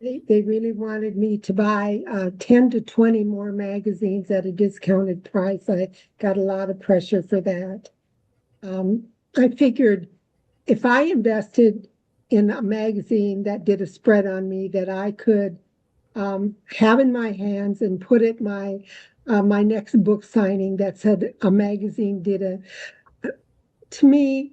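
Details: Adult woman speaking; ordinary speech.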